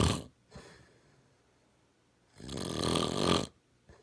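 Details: A loud, harsh, fluttering adult snore lasting about a second, with softer breath noises before it; snoring.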